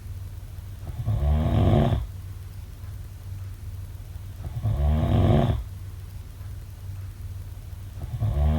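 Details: Snoring: loud, rattling low snores recur about every three and a half seconds, with quiet breathing between them.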